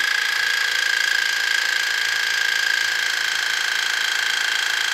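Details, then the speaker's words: First irrigation of the right ear with a modified Waterpik pulsed water device for impacted hard earwax, both ears blocked: steady mechanical whine with rapid regular pulsing; patient felt sharp pain. "did you want to take this on yeah beginning the first irrigation on the right ear here comes brace yourself"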